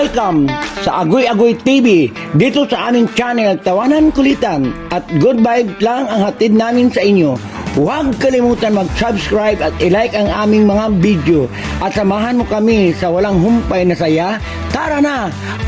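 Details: Adult speaker; normal speech.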